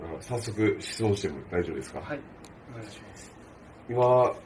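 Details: Adult male speaker; typical speech.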